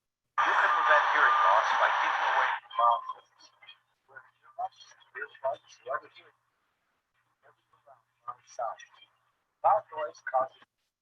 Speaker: okay okay this is normal hearing with background